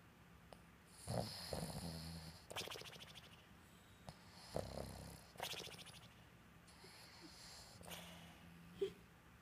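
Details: Female Boston Terrier asleep at night: repeated snorting snores with whistling breath through the nose, several per minute, quiet room. Snoring.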